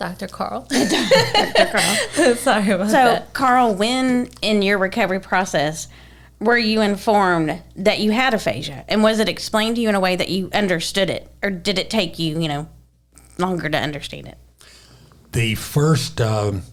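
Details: Adult woman speaking; no speech disorder.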